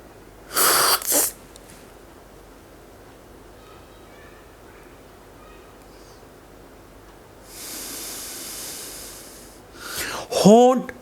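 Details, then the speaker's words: Chest specialist demonstrating inhaler use for asthma: cap removed, inhaler shaken, lips sealed on mouthpiece, canister pressed while breathing in deeply, then breath held about 10 seconds; short hissing metered-dose inhaler puff, then drawn-in breath and a rustle. "अपने होठों में seal कर ले और जैसे seal कर ले इसको ऊपर से दबाए और सास अंदर की तरफ ले जाए इस तरह"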